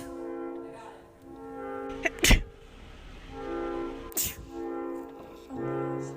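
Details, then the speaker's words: Sneezing from a sneezing compilation: two sharp, explosive sneezes over background music. "That was an aggressive one."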